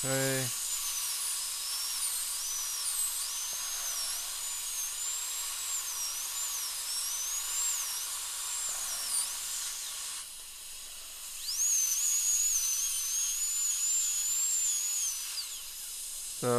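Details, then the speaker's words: High-pitched, whining high-speed dental drill with a 2 mm ball diamond bur, rising and falling in pitch and pausing, as it preps numbed upper molar tooth two for a porcelain crown under a rubber dam. "so it's a lot easier here to to prep uh this far back in the mouth with a ball Diamond"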